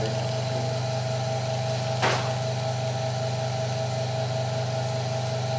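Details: Suction machine (open-system) tested before suctioning a baby's mouth in a nursing procedure demonstration: steady low motor hum with a faint rattle.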